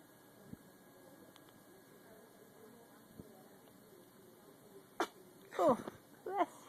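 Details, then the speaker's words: Infant waking up with a sneeze: a sharp burst, then a fuller sneeze and a brief voiced sound in a quiet room; sneezing. "Bless you. That was a big sneeze. Got another one? I can feel it building."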